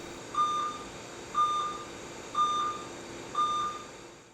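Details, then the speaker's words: Anesthesia machine power-on self-test during the daily machine checkout: machine turned on and confirmed running on AC power, giving four evenly spaced electronic beeps, one per second. "Turn the anesthesia machine on and confirm that it is running on AC power. If you find that the machine is already on, many models require that they be turned off and back on in order to perform daily self-testing."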